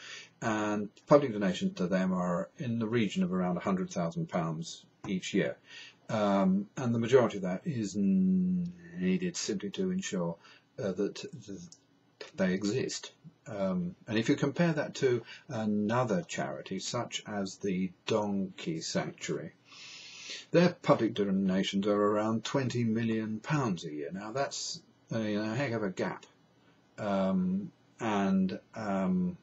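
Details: Adult man who states he has a stammer, described as a neurological condition with no cure; stuttering.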